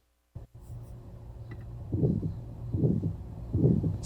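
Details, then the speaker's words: Loud, harsh crescendo-decrescendo systolic murmur, about 75 a minute, S2 closure sound still audible, in a patient with worsening age-related calcific aortic stenosis: aortic stenosis murmur. "You can still hear the closure sound. You hear this large crescendo, decrescendo murmur."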